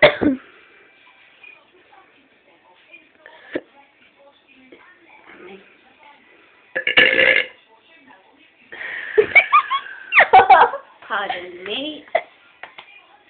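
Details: Several loud, gurgling burps with brief speech between and faint music behind; repeated belching in a person who reports being unable to stop burping all the time.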